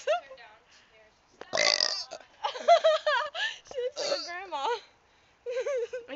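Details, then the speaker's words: Loud, drawn-out on-demand burp among laughter and high-pitched chatter; an ordinary belch. "to burp how do you do that on demand thing's on demand burping"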